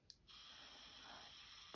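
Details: Oxygen cylinder gas release: a brief puff, then a steady hiss of about one and a half seconds as the actuator button is held down while the user breathes in for two seconds.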